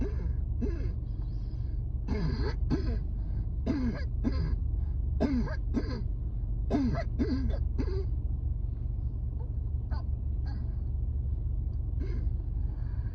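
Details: Repeated harsh coughs with strained, gasping breaths against steady outdoor rumble; a coughing fit with wheeze during a severe asthma flare-up at work on a rooftop.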